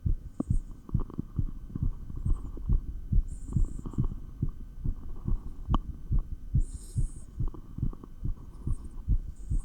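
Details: Fast, regular, low thumping heartbeat recorded through a stethoscope while exercising with 20 lb dumbbells, with brief rubbing and a breath-like hiss.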